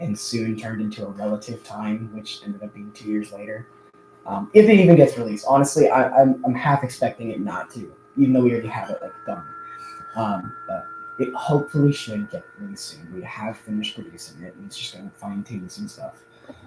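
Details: Adult male who says he stutters a lot more now than in the past; audible word repetitions; stuttering.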